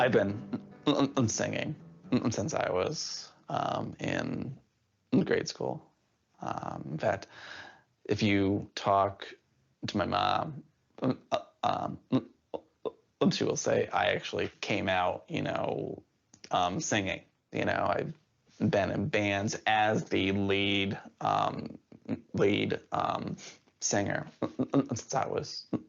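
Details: Adult man who stutters and had speech therapy at school from age eight; he reports never stuttering while singing. Stuttering.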